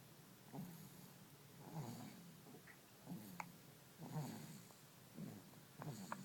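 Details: 8-month-old infant sleeping: soft, rhythmic low rattling snore with each breath, roughly every second and a bit; snoring.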